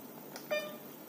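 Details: Mindray SK-600 II infusion pump while the infusion rate is being set: a brief button click followed by a short electronic keypad beep in a quiet room.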